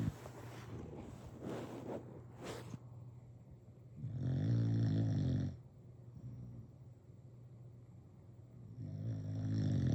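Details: Snoring in a sleeping bulldog: two loud, low, rattling, fluttering snores separated by quieter breathing and a few snuffles.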